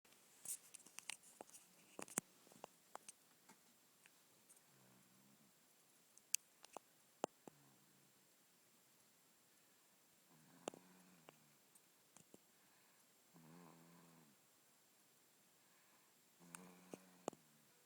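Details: Soft, buzzy snores from Aurora about every three seconds, roughly 20 a minute, in a quiet room with small scratching noises; loud snoring.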